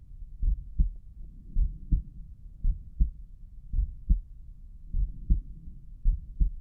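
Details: Own heart pounding hard with visibly pulsing carotid arteries, listened to at Erb's point: regular lub-dub heartbeat, about 70 a minute, two distinct sounds per beat; heartbeat.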